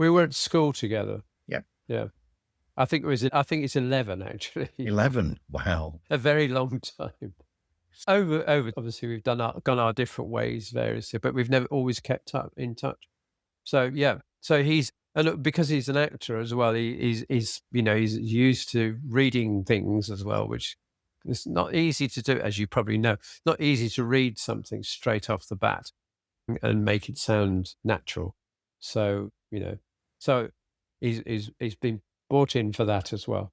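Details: Adult man with aphasia after a sudden stroke, treated with speech and language therapy and flashcard vocabulary work; still has word-finding difficulty, cannot read a script, and tires as the day goes on; aphasia.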